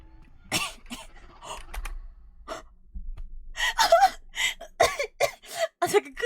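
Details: Sharp explosive bursts of air with a quick gasping inhale, then a run of vocal bursts in a small room, during a horror game stream; an ordinary sneeze.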